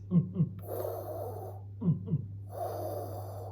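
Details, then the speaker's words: Vocal imitation of normal smooth blood flow through the arteries, likened to a river: paired thump-like sounds each followed by a steady, even whoosh, contrasted with the swirling of a heart murmur. "it should sound like a river as the blood's going through your arteries"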